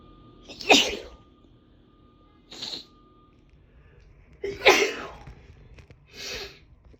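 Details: Woman hiding in the bathroom at Christmas to sneeze so her family can't hear: four sharp, noisy bursts, two louder sneezes each followed by a softer one, in a quiet room; repeated sneezing.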